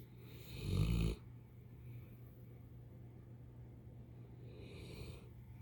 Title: Sweet sounds of her sleeping and snoring.